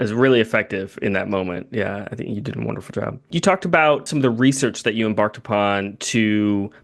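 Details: Adult male speaker; typical speech.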